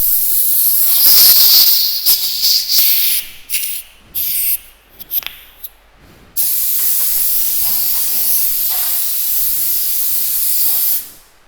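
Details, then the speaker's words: Air blower on a dental simulator unit in a dental school skills lab, pulled out to clean dust off the table: loud, steady hissing air bursts starting and stopping, with handling clicks between. "untuk membersihkan debu-debu yang diatas meja ini bisa ditarik panjang kemudian caranya seperti ini"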